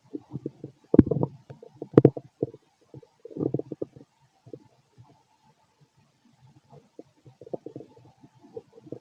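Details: Stethoscope auscultation of a fit male's stomach: irregular gurgles and rumbles, loud bursts then softer scattered bubbling, active stomach growling; bowel sounds.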